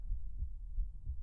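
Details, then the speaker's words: An adult's own heartbeat, heard through a binaural microphone pressed close to the chest, gives soft, regular low thumps: normal heartbeat. "つっとつっとつっとすごい。いいですね。これは今の私の心音、すごい。"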